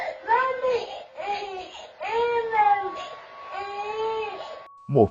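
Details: Young child crying: repeated wailing cries in bursts, ending in a short whimper; ordinary crying.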